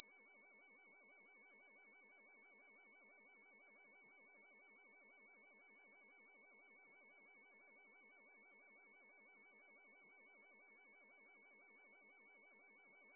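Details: Simulated tinnitus: steady high-pitched ringing tones with a faint warbling pulse, a person's closest replication of their own tinnitus, present for years since standing by a concert amplifier.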